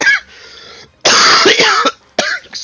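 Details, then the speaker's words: An adult has a coughing fit of harsh, forceful coughs with throat clearing and brief pauses, during a tabletop role-playing game session: cough. "every one of you from the heavens just god has a coughing fit one moment please and the entire universe goes on pause"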